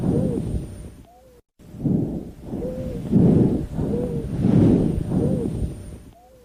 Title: Polyphonic wheeze vs monophonic wheeze